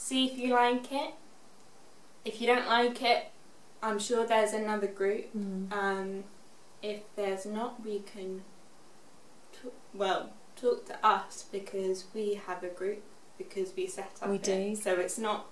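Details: Expressive aphasia in a 24-year-old woman, six years after a stroke at age 18.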